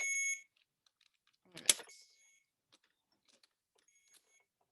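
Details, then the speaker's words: Alaris IV infusion pump alarm during a setup demonstration: a brief, steady electronic tone, then quiet clicks and a faint later tone. "Uh-oh, now it's just mad at me. Technology."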